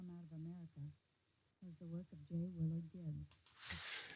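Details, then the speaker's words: Simulated bilateral moderate-to-severe sensorineural hearing loss applied to read speech, left ear: quiet, hard to hear, vowels missed more on left, slightly clearer on right; simulated hearing loss. "interesting they are slightly different and that's owing to the fact that the shapes are different I would say the left side you're missing the vowels more uh there's actually strangely enough a bit more clarity on the right side although it feels that they're both equally quite quiet so so it's a struggle to hear"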